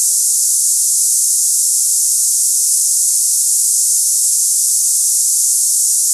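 A steady, unbroken high-pitched hiss, like cicadas or escaping steam, with no pauses. This is a simulation of cicada-like hissing tinnitus.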